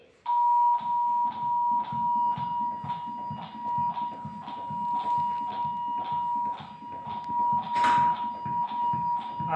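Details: Automated external defibrillator alert tones heard during an AED-use technique demonstration: a steady high electronic tone with regular rhythmic beeps at about 110 a minute.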